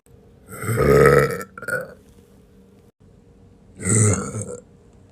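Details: A young woman deliberately performs two drawn-out burps, each a low rumbling voiced belch of about a second, in a quiet room; acted, intentional eructation.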